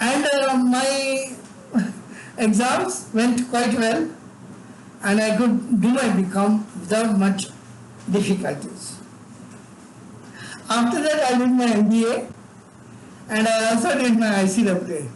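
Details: Adult man with severe cerebral palsy from birth and involuntary tremors throughout his body, unable to talk until age eight; speech disorder not named directly; dysarthria (cerebral palsy).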